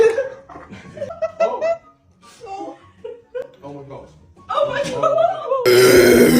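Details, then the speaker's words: Repeated voiced, throaty belching during a Sprite-drinking burp challenge, with the person saying it hurts; talk and laughter around it, ending in a loud burst of noise. "Do you feel like you're going to burp? >> I don't know. Ow. Jesus Christ. Oh my god. Oh, it hurts."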